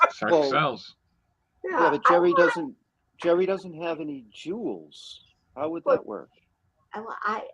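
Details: Adult speaker; ordinary speech.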